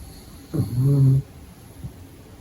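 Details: Pug puppy asleep during the day, snoring: one loud, low, rattling snore on a breath in, then quiet breathing.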